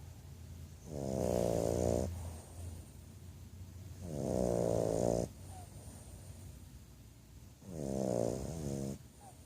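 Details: A bulldog snoring during a nap: rhythmic rattling, buzzing breaths about every three to four seconds, roughly 16 a minute.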